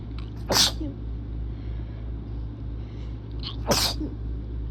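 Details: Two sharp, explosive sneezes about three seconds apart over steady background rumble, from a person whose sinuses are acting up and who feels unwell; sneezing.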